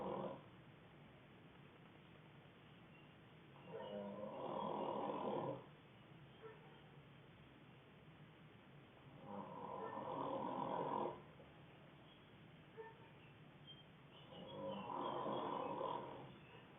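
Three rough, rattling snores, each lasting about two seconds, with quiet pauses between; steady sleep snoring at about 11 breaths a minute.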